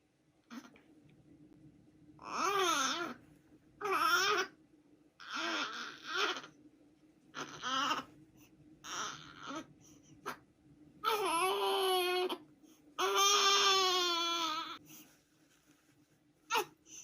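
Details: 37-day-old infant making strange noises while sleeping: repeated grunting, squeaky and whimpering vocal sounds in a quiet room, typical noisy newborn sleep sounds.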